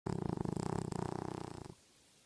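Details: Single low, fluttering, rattly breath under two seconds from a sleeping pet; snoring.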